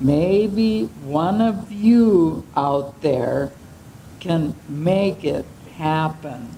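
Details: 75-year-old woman with ALS, onset unclear and possibly several years earlier, who has slow speech, voice changes, swallowing difficulty and fatigue; dysarthria (ALS).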